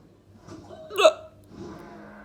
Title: Toddle Copying Hiccups 😂😂😀😁 #toddler #comedy #copying #hiccups #love